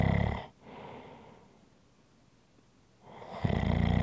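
A soft breathy inhalation, a pause, then a loud rattling snore building up; snoring during sleep.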